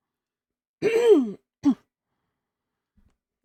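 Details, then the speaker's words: Streamer with Tourette's: a voiced, groaning throat clear, then a short second clearing sound and brief faint speech; repeated throat clearing straining the throat. "need to find a puff cup because Jesus, there's only so many times I can clear my throat before I'm like, "Oh god, my throat.""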